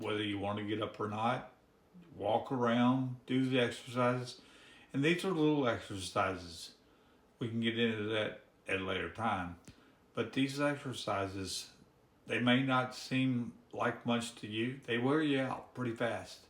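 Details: Man with ALS diagnosed in October after about five and a half years of misdiagnosis; his speech is severely hampered, and his breathing, limbs and swallowing are also affected; dysarthria (ALS)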